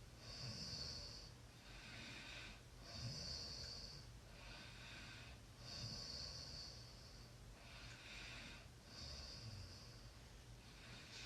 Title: Snoring sounds